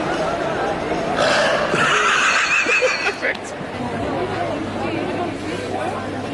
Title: Dude burps for 45 seconds 🤣😆🙂